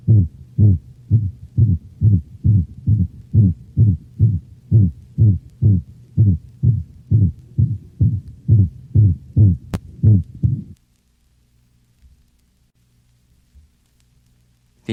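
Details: Dog with atrioventricular valve insufficiency: rapid heartbeat about 130 a minute with a high-frequency, musical systolic whoop (seagull murmur), a variation of the holosystolic murmur.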